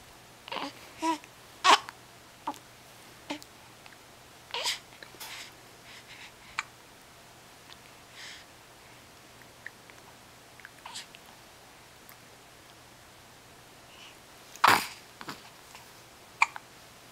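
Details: A 6-week-old with hiccups: short, sharp catching sounds recur at fairly steady intervals in a quiet room, with a few soft whimpers.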